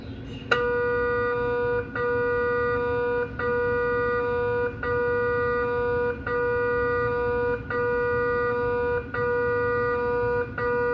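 Loud, steady buzzing tone from the scanner's gradient coils, broken by brief regular dips every second or so, typical of an MRI sequence.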